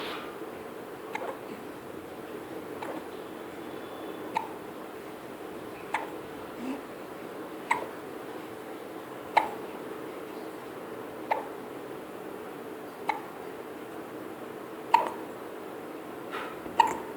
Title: Baby has hiccups